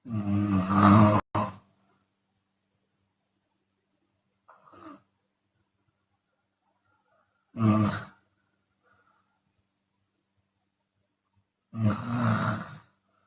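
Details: A Chinese woman snores open-mouthed during sleep, with loud, rattling, heavy snores separated by long silent gaps and a softer sound on some breaths out.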